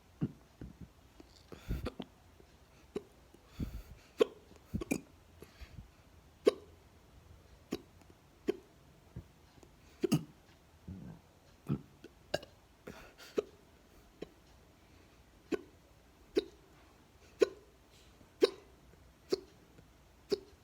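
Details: Hiccups recorded close up at the neck: about twenty sharp, short hiccup bursts over twenty seconds, roughly one a second, in a quiet room.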